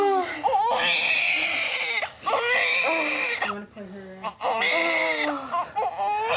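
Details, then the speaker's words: Newborn girl just after birth: loud, high-pitched crying in bursts with brief pauses for breath, adult voices nearby; a vigorous cry, and the baby is said to sound great. "It's good. Baby sounds great."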